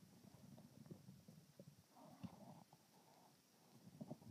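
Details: Low gurgling and rumbling from an adult's abdomen, with bubbly clicks and a longer growl midway: stomach growling, bowel sounds (borborygmi).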